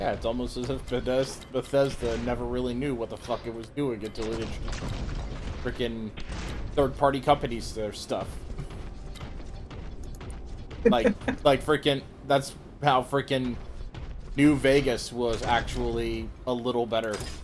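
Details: Adult male speaker; ordinary speech.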